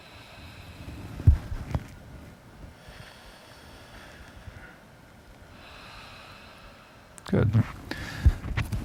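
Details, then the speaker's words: Stethoscope over the lung apex in the supraclavicular fossa, arm lifted, patient taking big mouth breaths: soft, slightly harsh breath sounds lasting into late expiration, with stethoscope handling noise; normal bronchial breath sounds at the apex. "The other thing to appreciate as we oscultate up the chest is that the breath sounds become a bit more harsh"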